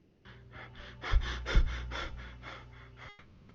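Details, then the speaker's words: Cheyne-Stokes respiration, seen mainly in deep sleep or comatose patients: after a brief apnea, quick breaths build to a louder peak, then fade and stop, a waxing-and-waning cycle. "Cheyne-Stokes breathing pattern is described as a period of apnea, followed by gradual increase and decrease, and another episode of apnea. And here's how it sounds like."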